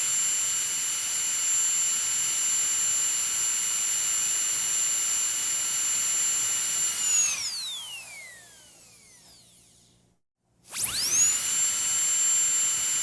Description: One Of The Worst Annoying Sounds in The Word. The Dentist Drill.